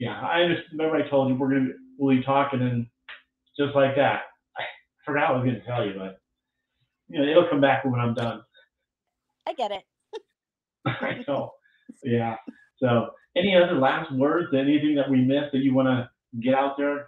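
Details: Adult speakers in conversation; typical speech.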